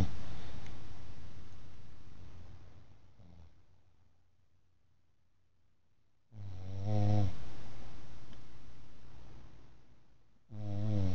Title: Sumo snoring after a hard day at work